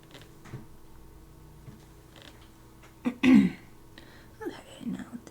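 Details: Adult woman still congested after COVID-19 coughing while drawing on a livestream: a single short cough or throat-clearing burst in a quiet room, followed by a few soft throat sounds.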